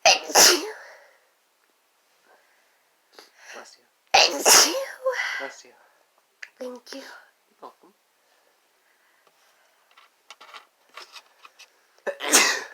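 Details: Repeated loud, explosive sneezes from a female and a male, with short breaths and quiet talk between them: a sneezing fit set off by sneezing powder (chhinkni).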